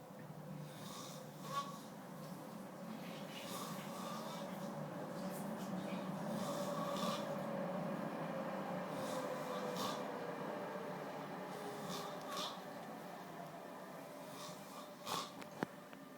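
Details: Man snoring in Prague: continuous rough, rattling breathing noise with snorting bursts through the breath cycle, over a steady background rumble; snoring.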